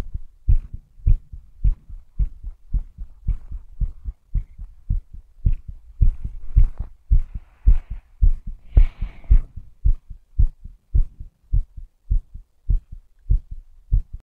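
Strong, regular low heart thumps at about 55 beats a minute, each beat a clear two-part lub-dub.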